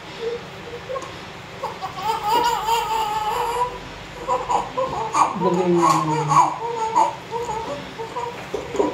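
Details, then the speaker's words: Newborn baby boy crying in short vigorous bursts over adult voices in the delivery room, just after a normal vaginal delivery with labor noted for fetal distress. "Iyak iyak pa gusto iyak Okay na siya Okay na siya pahinga ka lang"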